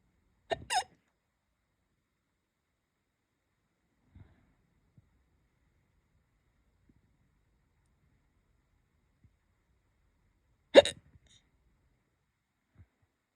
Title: hic hiccups😛